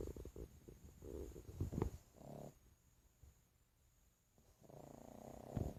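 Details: Low rumbling, snorting breaths with a pause between them; a pug snoring.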